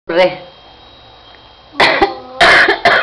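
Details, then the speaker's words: Young boy with a bad cough: several harsh, honking coughs in bursts, with a brief pause between them. "ay que ay pobrecito qu to que tiene ese nene uh uh pobrecito que to"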